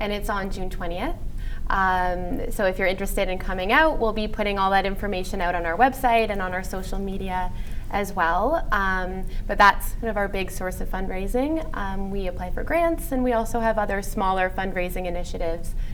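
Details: Adult woman speaking; Normal speech.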